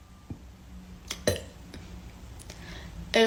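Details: Burping in a quiet room: a few short throaty bursts ending in a louder voiced belch.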